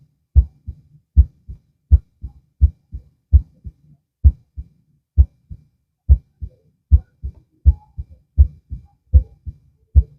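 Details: Stethoscope heart auscultation lying down, two minutes per site; steady paired low lub-dub thumps about 80 beats a minute; normal heart sounds.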